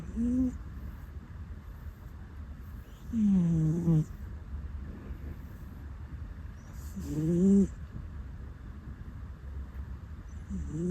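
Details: Sleeping rescue cat on a bed: soft, rising squeaky puffs about every four seconds over a steady low hum; the cat's usual puffing snores in sleep.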